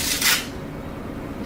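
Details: A brief burst of fine crackling, like something sticky pulling apart, then quiet room noise; an imitation of pneumonia crackles.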